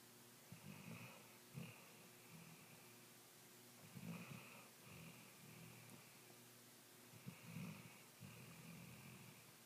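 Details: Snoring: soft, rough snores on the in-breath with quieter out-breaths, about 18 breaths a minute, over a steady room hum.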